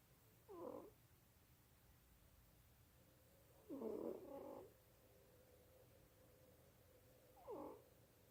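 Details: Sleeping pet cat in a quiet room: three brief, soft, squeaky snores at uneven gaps; harmless snoring.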